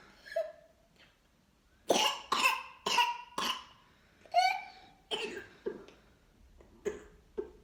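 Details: Child with whooping cough (pertussis): a run of about eight harsh coughs in quick succession, a paroxysmal coughing fit; runny nose noted.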